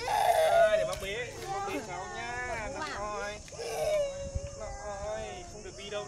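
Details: Young child's tantrum cry, upset because mother would not take the child to the supermarket: high, wavering wails and sobbing whimpers.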